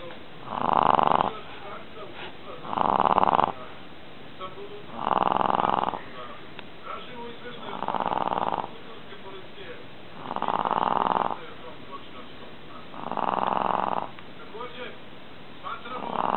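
Regular loud nasal snores, about seven in sixteen seconds, roughly 26 breaths a minute.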